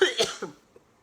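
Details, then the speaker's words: Cystic fibrosis cough in an exhausted, unwell woman on IV antibiotics and oxygen, who coughs heavily whenever lying flat and feels suffocating: two harsh cough bursts, then a fading smaller one. "anytime I would lay down and lay flat I would just feel like I was suffocating even like with my oxygen on and I would just start coughing ridiculously amounts until I just couldn't do it anymore"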